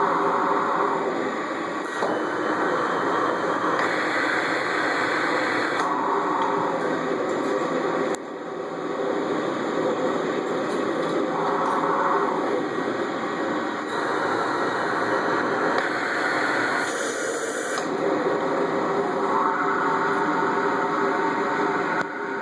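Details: Child using a mechanical insufflation-exsufflation (cough assist) device for respiratory therapy: steady rushing machine airflow shifting every few seconds in alternating push and pull cycles.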